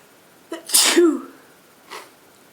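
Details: Single sharp sneeze with a quick inhaled lead-in and a faint sniff afterwards, from a girlfriend who has a cold; sneeze.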